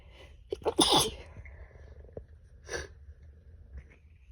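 Several muffled, suppressed sneezes in quick succession, then one more after a short pause. No wheeze is heard.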